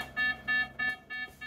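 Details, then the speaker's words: Pulse oximeter low-saturation alarm: repeated high beeps as a female patient with 22q, in a medical emergency on a maximum-level oxygen concentrator, drops to 89–90% SpO2; BP 106/64, heart rate 55. "89%. Just popping over threshold back to 90 and flapping."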